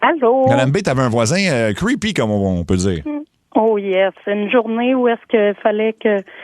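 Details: Adult radio host, then a caller over a telephone line; normal voice.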